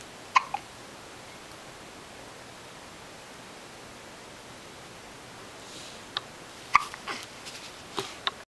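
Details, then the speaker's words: Baby girl who gets hiccups every day, with hiccups: five or so sharp, brief hiccup sounds separated by a long quiet gap in a quiet room. "Poor baby girl has the hiccups."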